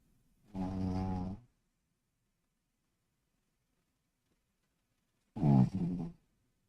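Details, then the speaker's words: Sleeping dog snoring, picked up by the mic during a live stream: two low, rumbling snores about five seconds apart in a quiet room, each lasting under a second. "can you hear Charlie snoring [Music] looks like the mic is picking up on it"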